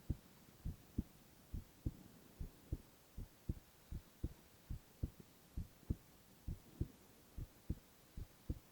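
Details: Male (boy) heart sounds in a silent, no-talking ASMR recording: steady paired lub-dub thumps at about 80 beats a minute, no extra sounds; normal heartbeat.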